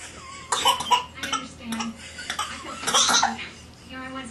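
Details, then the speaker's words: A young boy gives a series of short, deliberate fake coughs on request, an imitated voluntary cough; one cough may have been real. "angry those are completely fake coughs well that one might have been real"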